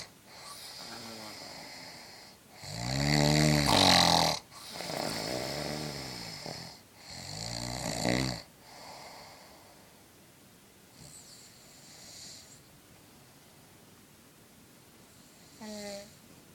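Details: Man who thinks he doesn't snore, snoring loudly enough to be heard from another floor; three loud, vibrating inspiratory snores, then quieter breathing with a few soft snorts; snoring.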